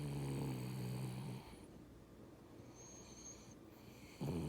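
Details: Boston Terrier snoring: a loud, low, rattling snore from a small dog, then quiet, then the next snore starting.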